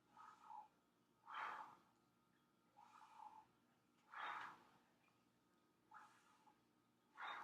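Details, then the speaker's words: Normal breath sounds from a male patient during a chest assessment. The lungs are auscultated for one full respiration in each area while he takes deep breaths. Tactile fremitus was strong and symmetric, percussion was resonant on both sides, and there was no accessory muscle use. "i'm also going to auscultate for one full respiration in each area of the lung all right and then can you take a deep breath in"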